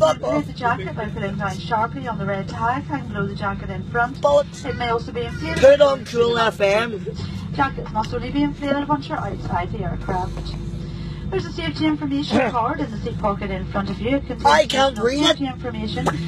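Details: Adult speaker over aircraft public address; normal speech.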